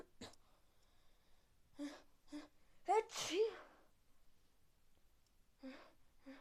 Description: Yesterday is was a rainy day and I don't take my umbrella and I cath a very bad coId and Icant stop sneezes and blow my nose